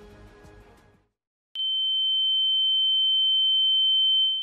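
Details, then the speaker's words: Simulated tinnitus from a Turkish news report: a steady high-pitched pure tone imitating ringing in the ears, which experts warn may signal serious disease. "ancak uzmanlara göre çınlama deyip geçmemek gerekiyor ses çok ciddi hastalıkların habercisi de olabiliyor"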